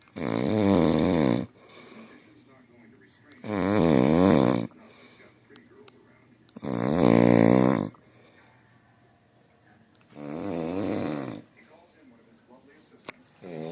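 Four loud, deep, rattling snores in a row, each about a second long with quiet gaps between; heavy snoring from a large animal.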